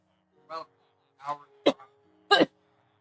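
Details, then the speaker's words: Adult coughing into a microphone while playing a video game. "You also get to hear the doula tones of me [ __ ] coughing into the mic."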